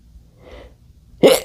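A soft indrawn breath followed by one sudden, loud, hissing burst, a single sneeze from an adult man.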